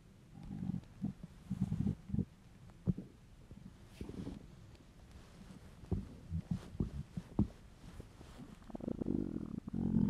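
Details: An adult male's hungry stomach: low gurgling rumbles with scattered bubbling pops in irregular bursts, normal hunger borborygmi.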